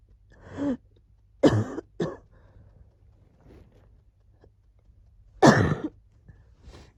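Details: With a cold, recorded as wheezing was settling; about four short, harsh cough bursts with quiet pauses; cough during a cold.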